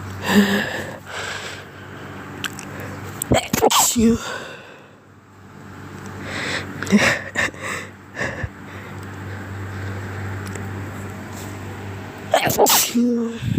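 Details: Repeated sneezing while sick: several loud, sharp sneeze bursts separated by quieter sniffing and breathing.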